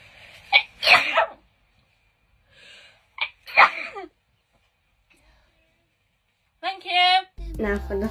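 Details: Two sharp sneezes, each with a quick intake before the burst, then a brief vocal sound, during a Covid-19 nasal swab test; reflex sneezing after nasal swab irritation.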